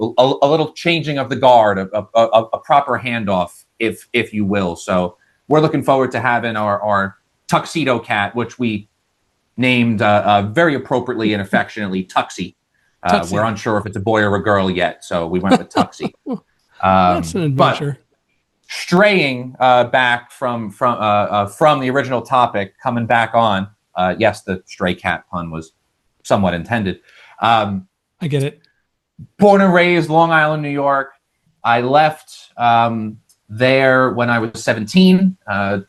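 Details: Adult man who has stuttered all his life, managed with speech techniques such as the airflow technique after speech therapy; stutter shows as vocal cord blocks; this stretch has repeated words; stuttering.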